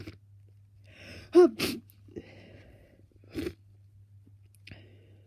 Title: Blocked nose, sniffs and sneezes